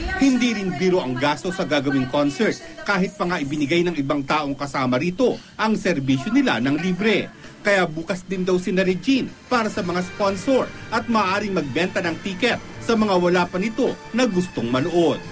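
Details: Adult male news narrator; Normal speech.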